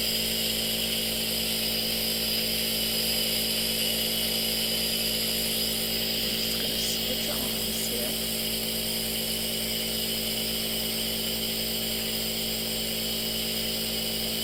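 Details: Simulated nurse role-play: loud, steady mechanical buzzing hum of a nebulizer compressor running throughout a medicated breathing treatment by mask, with faint hiss of mist.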